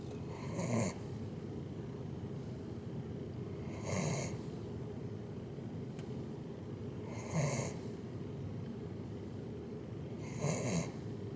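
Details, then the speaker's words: Adult imitating light sleep to fake being asleep: four soft, low snores on the inhale with quiet, silent exhales; imitated soft snoring. "Soft snoring noises. Listen closely. And that's on the inhale. When I'm inhaling, that's the sound I'm making."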